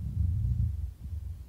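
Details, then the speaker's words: Rhonchi (coarse rattles) on an adult simulated patient, heard with a Littmann CORE digital stethoscope. A low-pitched, continuous rattling from the larger airways on both inspiration and expiration, with a dominant frequency around 200 Hz. "sometimes known as coarse rattles. And these are also heard in the larger airways. And you will hear low-pitched, continuous rattling sound on both inspiration and expiration."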